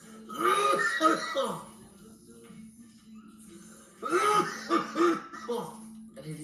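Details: Adult coughing: two forceful, strained coughing bouts with loud throaty voicing over a steady background hum, a harsh, effortful cough.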